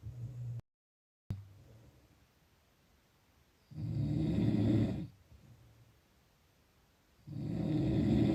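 Slow rough low rumbling breaths about every three seconds, separated by quiet pauses; snoring.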